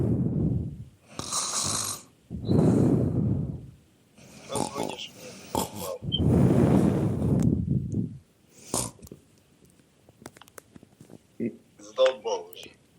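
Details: Person imitating snoring down the phone: loud, rattling snores in repeated long, rough breaths, with snorts and clicks between them; simulated snoring.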